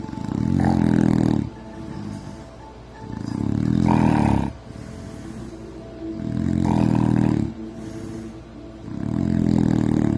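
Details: Man snoring much worse than usual since his surgery, sleeping in uncomfortable positions, filmed at night by his wife: loud rattling snores on each breath in, about four in ten seconds, softer rasp on each breath out; heavy snoring.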